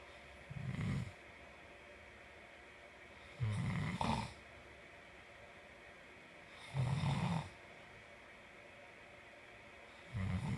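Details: Sleeping person snoring: regular low rumbling snores on each in-breath, about 19 a minute, with quiet pauses between them.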